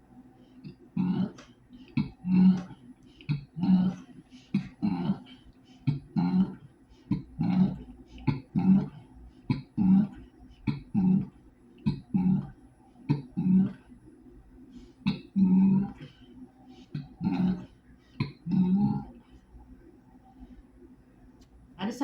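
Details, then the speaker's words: Vocal tics in a person with Tourette syndrome: rapid, repeated burp-like and throat-clearing noises, about one every second or so, while talking about no longer hiding the burping. "I'm not going to hide these things from social media anymore. I decided I'm not going to hide I just I want to hide my big belly and my flaws. I'm not going to hide the burping."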